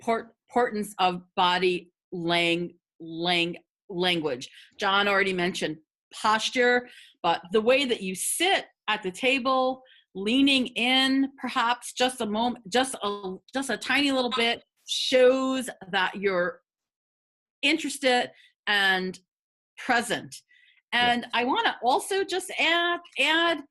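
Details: Adult woman who has stuttered for 50 years, speaking in a webinar on job interviews for people who stutter; stuttering.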